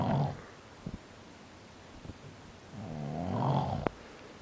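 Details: Person asleep snoring: two rough, low, rattling breath sounds a few seconds apart with small clicks between; snoring during sleep.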